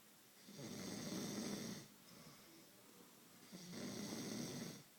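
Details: Sleeping person snoring: soft, raspy snores on two inhalations with quiet pauses between them.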